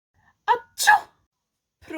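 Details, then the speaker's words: A single sharp two-part sneeze, a quick intake then an explosive burst, in a quiet room. "You sneeze and then I bless you with prit."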